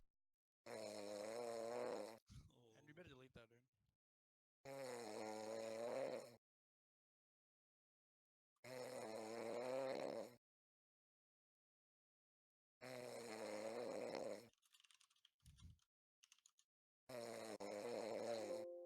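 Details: Loud, harsh, rattling snores in long bursts about every four seconds with silent pauses between them; snoring during sleep.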